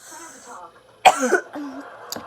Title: I js can’t stop coughing